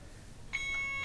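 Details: A steady high electronic alarm tone starts abruptly halfway through: an Alaris IV infusion pump occlusion alarm, patient side occluded, caused by kinked IV tubing.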